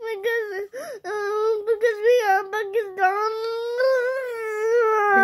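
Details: Infant crying: sustained, high-pitched whimpering cry with short catches of breath.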